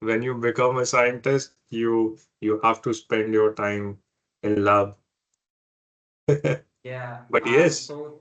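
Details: Adult man who has stammered since early life, persisting into adulthood; stuttering.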